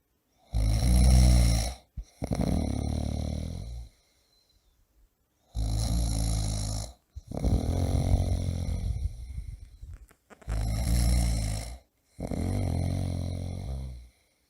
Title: Ronco Pessoa Roncando Alto - Homem Roncando - Efeito Sonoro - Snoring Person - Snoring Loudly